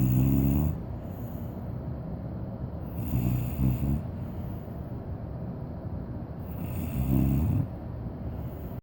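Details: A sleeping cane corso puppy snoring with low, rough snores at a slow steady pace over a constant background hum.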